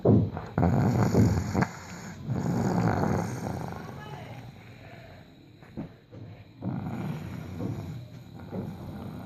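Loud, rough, low rattling breath noises during sleep, fading and returning over several seconds; snoring.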